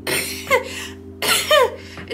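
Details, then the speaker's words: Vocal coughing tic of Tourette syndrome during a severe waxing phase while travelling: two abrupt, harsh cough-like bursts with brief voiced endings. The tic is unrelated to illness. "so I'm in my hotel now my coughing tick persisted it's severity uh past the airport and it's really been"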